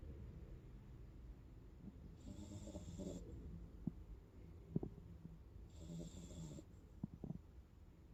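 Quiet, low rumbling breaths with two louder, rougher noisy breaths and a few soft snorts over about eight seconds; light snoring.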